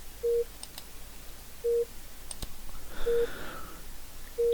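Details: Steady single-tone heart-rate beep about every 1.4 seconds with faint room noise; simulated patient monitor on the ReSimulate Android training app, ECG lead II displayed, volume 10%.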